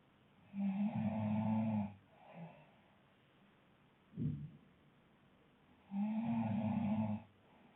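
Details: Couple snoring: two loud, buzzing inspiratory snores about five seconds apart with a short snort between, in a quiet room.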